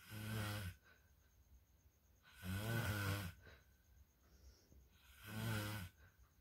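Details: Snoring the recorder rates as "level 3" and very disturbing, possibly linked to tiredness: three loud, deep, rattling snores on the in-breath about every three seconds, with quieter breathing between.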